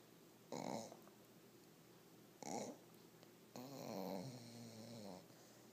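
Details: Snoring from a sleeping dog (the uncle's dog): two short snorts, then a longer rumbling, slightly whining breath.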